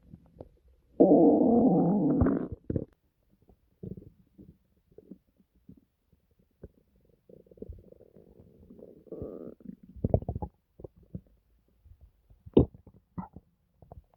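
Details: Loud drawn-out gurgling rumbles, then scattered squeaks, pops and bubbling in a quiet room; a compilation of one person's stomach growling (bowel sounds, borborygmi), some clips very quiet.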